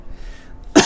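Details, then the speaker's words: Persistent cough of about a month that began as a cold and is being treated with medicine: after near silence, a single short, harsh cough burst at the very end, cut off. "Like, it started out as a cold, but I recovered quickly and now I'm I'm just I've been stuck with this cough for about a month. It's kind of driving me crazy."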